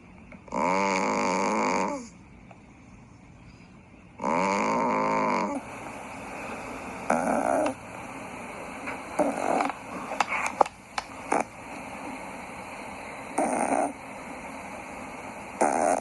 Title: Funny Cats Snoring